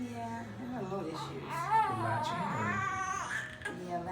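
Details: Infant girl aged 3 weeks 2 days crying in short fussy bursts while held against mother's chest at a chiropractic adjustment visit, adult talking quietly in a small room; ordinary newborn cry.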